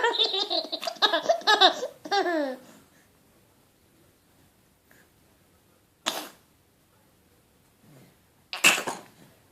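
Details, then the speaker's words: Mother giving playful sneezes on cue for her laughing 10-month-old baby boy: child's laughter and chatter, a pause, then two short, explosive sneeze bursts a few seconds apart. "You want Mummy to sneeze? Ready? Achoo!"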